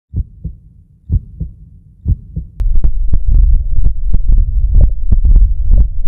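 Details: Diastolic heart murmur, a pathological sign: steady heartbeat near 62 a minute with a soft, low murmur between beats.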